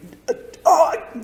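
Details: Acted: a laryngologist imitates an adductor-type spasmodic dysphonia patient (focal laryngeal dystonia) saying a test sentence with a strained, constricted voice; adductor spasmodic dysphonia (imitation).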